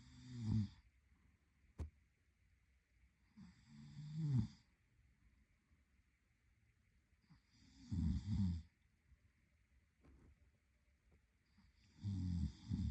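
Low, vibrating snores with a breathy hiss, roughly every four seconds in a quiet room. Ordinary snoring in sleep.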